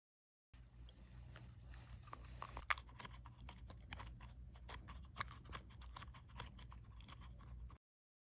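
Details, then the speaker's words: Deliberate, simulated teeth grinding while wearing a thin, hard upper-only mouthguard bought online: repeated hard clicking and scraping of teeth over low hum; bruxism. "이 가리와이 물기를 의도적으로 해 봅니다 온라인에서 판매하는 위니형 이가리 마우스피스를 착용해"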